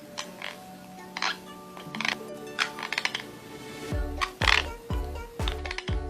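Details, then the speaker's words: Teeth grinding (bruxism): irregular gritty scraping and clicking bursts of a person grinding their teeth, over background music. "así es como suena una persona que rechina los dientes increíble no creen Este es un trastorno que se llama bruxismo"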